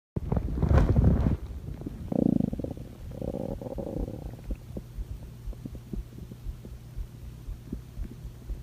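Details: Low gurgling rumbles fading into soft irregular pops and bubbling; normal stomach growling (borborygmi) in a cat.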